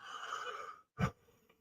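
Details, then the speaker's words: An adult on day eight of a lingering cold gives a drawn-out, slightly whistling breath, then a brief pause and a short cough-like burst; wheezing. "hope the wheezing stops like you can hear the wheezing if you can"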